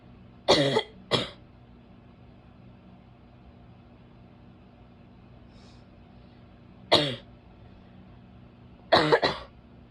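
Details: About five harsh, abrupt coughs in short clusters over a steady low background hum, possibly from a female: a barking cough.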